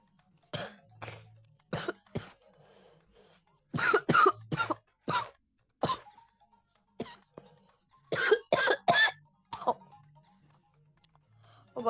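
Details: Cough from a person who is sick: repeated short, harsh coughs in clusters over several seconds, with game music faintly behind while playing Geometry Dash.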